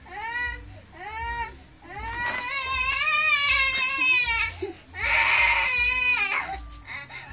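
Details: Baby crying: loud, rhythmic wailing cries with brief breaths between, an adult's voice in the background.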